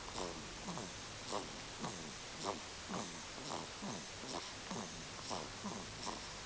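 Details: Sleeping cat breathing with faint, rapid, snuffly snorts that repeat steadily, a soft snore.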